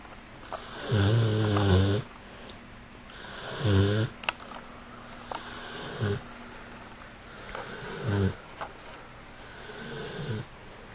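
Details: American Bulldog, a short-nosed dog, snoring: loud, low rattling snores recurring irregularly, about five in eleven seconds, with quieter breathing between.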